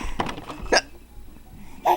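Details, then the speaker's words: Adult mother's hiccups while sitting, a baby laughing at them: two sudden, sharp voiced hiccups about a second apart over background noise. "He laughs at my hiccups."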